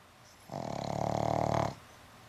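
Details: Pug dog sleeping after an afternoon at the dog park: one loud, rough, vibrating snore lasting over a second, likened to a Harley Davidson; heavy snoring.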